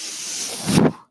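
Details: Real recording: the speaker's own mechanical ventilator heard as he talks, a steady airy hiss, then a brief louder whoosh of delivered air that cuts off, one breath cycle. Mechanical ventilator breathing cycle.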